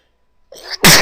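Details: Female sneezing: a quick indrawn breath followed by one loud, explosive sneeze after a nose tickle.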